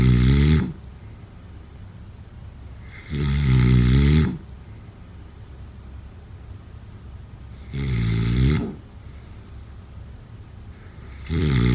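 Loud, deep, fluttering snores about every four seconds, with quiet pauses between, roughly 15 breaths a minute. Snoring.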